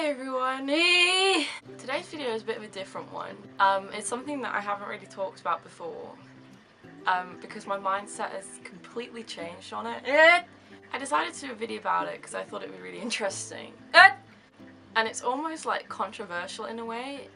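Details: Young woman with severe Tourette syndrome, with involuntary movements and noises for seven years; medication for her tics was tried and she no longer wants it. Vocal tics include shouted words, swearing, 'hey' and laughing.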